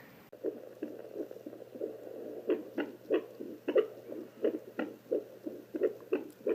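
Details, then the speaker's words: A young boy's heartbeat heard with a home fetal Doppler placed on his chest: rhythmic whooshing pulses at about 90 a minute, normal. "all right and then of course my son being the ever inquisitive boy loves when i listen to his heartbeat with the doppler so here's just a little clip of that just for your viewing pleasure"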